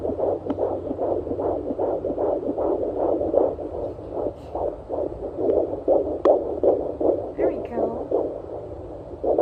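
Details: Fetal heartbeat at 22 weeks of pregnancy, heard with a handheld Doppler on the left side of the belly as the baby moves: rapid, regular whooshing beats about 155 per minute, like a galloping horse, mixed with the mother's heartbeat.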